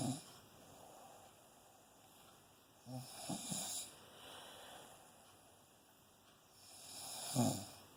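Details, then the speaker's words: Snoring while cuddled, described as warm and loud: quiet breathing with short, low rattling snores every few seconds; snoring. "right up there. Snoring away."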